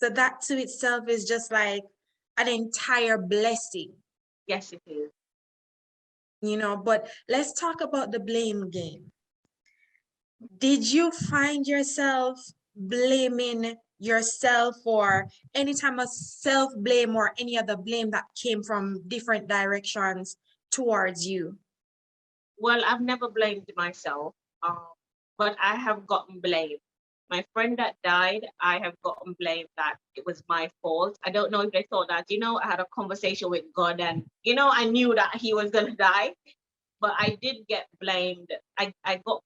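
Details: Jamaican woman with foreign accent syndrome after a life-threatening accident causing brain damage with swelling; British-sounding accent she cannot control, with patois slipping in when emotional; foreign accent syndrome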